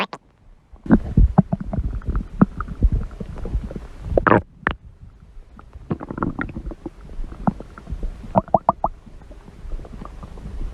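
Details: Hungry person's stomach growling: low gurgling and rumbling with scattered squeaky bubbling, an ordinary sound of gut movement.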